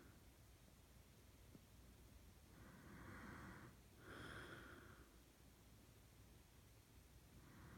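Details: Adult male boyfriend snoring, louder after his mouth is opened: soft rasping snores on breathing, two breaths heard over steady room noise.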